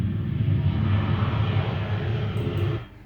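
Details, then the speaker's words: Simulation of an airplane sound as heard with normal hearing (thresholds about 25 dB), played for comparison with a patient's hearing loss of 50 dB right and 40 dB left: a loud, steady low engine rumble. "Contohnya seperti suara pesawat terbang, Pak. Ini untuk pendengaran yang normal."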